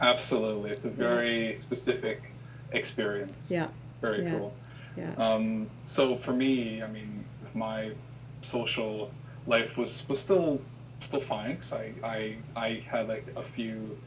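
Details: Adult who has stuttered since childhood and had childhood speech therapy; repetitions are audible; stuttering.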